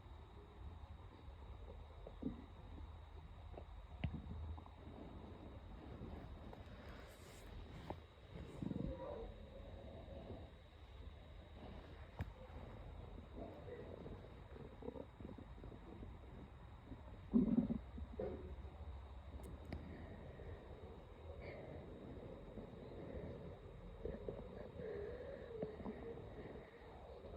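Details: Stomach growling after almost 3 days without solid food, only iced tea that day, with sharp stomach pains: low rumbling and occasional gurgling bursts, with steady outdoor construction noise: borborygmi.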